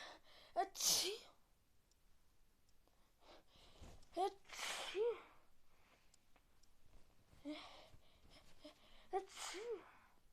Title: Sneezes for very bad cold